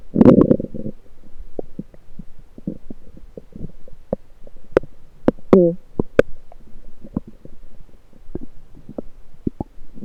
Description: I heard my lower gut gurgling again, so I decided to record it with my USB electronic stethoscope.